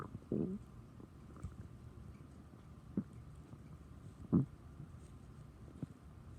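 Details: Quiet low gurgles and short rumbling bursts over near-silence, stomach growling (borborygmi) after drinking chocolate milk.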